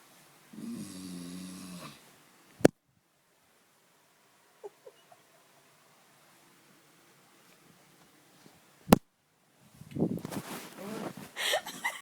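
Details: Loud rumbling snore on a breath, then sharp clicks and rough, rattling snoring sounds in a quiet room; snoring.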